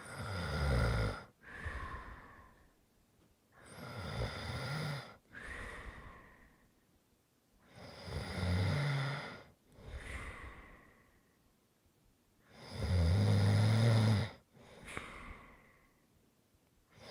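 Slow, regular snoring, about four breath cycles in 17 seconds, roughly 14 a minute, with a rough rumble on each breath in and a softer breath out.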